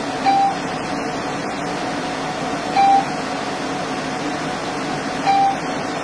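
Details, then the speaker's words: Laser hair removal on a female model's underarms, Fitzpatrick skin type 3, using the red head with a self-cooling tip and 20% overlap: three short clicking beeps about 2.5 seconds apart over a steady fan hum, each marking one pulse. "one of the advantages over other equipment this piece of equipment has a self cooling head so immediately when the SP size touches the skin it is already cool which makes it very [Music] comfortable"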